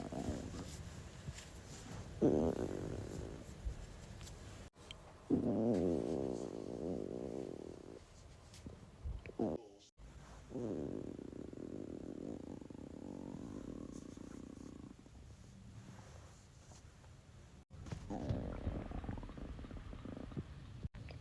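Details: Stomach growling (borborygmi) from a blonde woman's belly; gurgling, rumbling bowel sounds in long rolling bursts with brief breaks.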